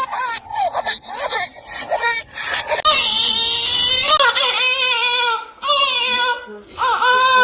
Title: Sound of baby crying